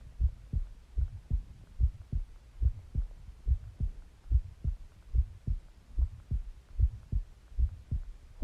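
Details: Own heartbeat recorded with listener lying on the chest while the person was dozing; steady, regular, low, muffled lub-dub about 72 per minute, alongside breathing and stomach growling; normal resting heartbeat.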